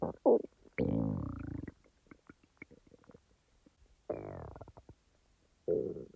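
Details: Real stomach sounds, not recorded in real time: loud drawn-out gurgles and growls with small pops between them; active, ordinary digestive rumbling (borborygmi).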